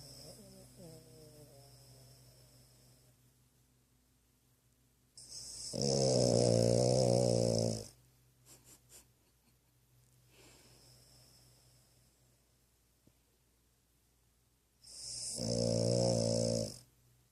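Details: Sleeper who always snores during sleep, louder some days: two rattling, buzzing snores about ten seconds apart, with faint breathing and some room noise between; snoring.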